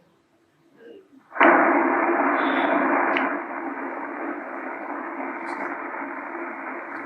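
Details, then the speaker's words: Transcranial Doppler during an experiment injecting 250-micron non-sphere particles into a model circulation to test a filter: sudden loud, rough hissing roar of embolic signals. "they went through the circulation and we were collecting them and this is we were watching how we embolize and we were testing also your filter"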